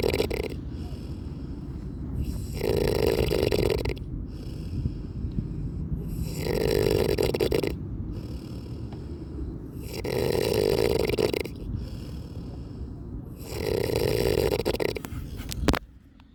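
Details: Loud, rough, rattling snores on each breath in, about 15 breaths a minute, with a steady low rumble between them; heavy snoring.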